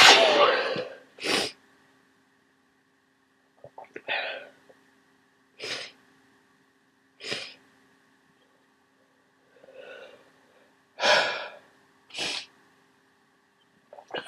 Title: Huge cold sneezes